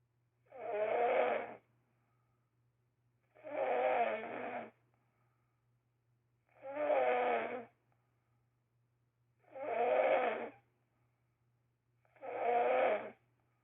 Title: loudest snoring ever